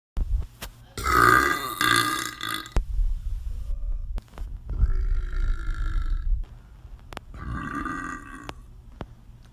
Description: New compilation of guys burping on twitter.